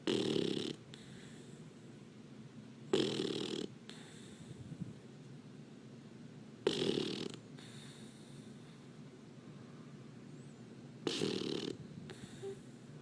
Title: Snoring lab puppy